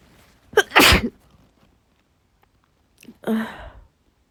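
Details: Woman in bed with a cold, sneezing every other hour with a persistent nasal tickle: two forceful, let-out sneezes with sharp inhaled build-ups.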